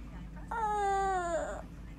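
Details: 1-year-old boy born at 37 weeks with cleft palate, recovering in hospital after palate repair: a single sustained, falling-pitch cry of about one second, faint room hum behind; infant cry after cleft palate repair.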